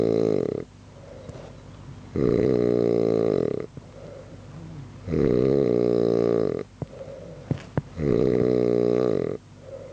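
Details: Sleeping man snoring loudly, keeping another person awake all night; rattling snores on each inhale, about three breaths in ten seconds, quieter exhales between: ordinary snoring.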